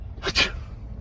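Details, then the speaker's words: A person's single sharp, hissy sneeze with a short catch of breath before it, performed as part of a sneezing prank. ">> I'm so sorry. >> Did you just sneeze on me? >> I can taste it."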